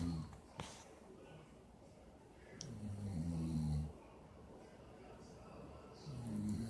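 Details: Person sleeping at a friend's house; low, rattling snores on each breath, about 19 a minute, in a quiet room; snoring.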